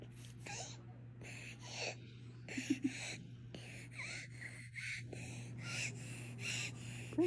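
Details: Girl before her tracheostomy: rapid, harsh, high-pitched noisy breaths repeat throughout, from a narrowed upper airway; stridor.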